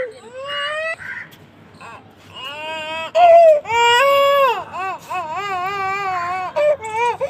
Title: बच्चे रोने मे सबकी नानी|बच्चे की रोने की आवाज|crying newborn baby child sound effect| child weeping